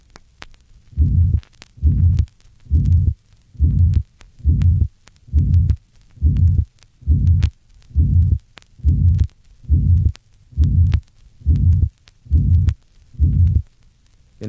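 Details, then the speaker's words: Mitral regurgitation: grade 3 pansystolic murmur at the apex, filling each beat from the first to the second sound and well transmitted to the left axilla; regular heartbeat about 68 per minute. "the pan systolic murmur of mitral regurgitation is heard best at the Apex and is well transmitted into the left axilla listen to a grade 3 pan systolic murmur at the Apex and a patient with mitral regurgitation"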